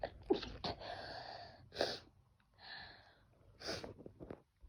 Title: Sneezing pt2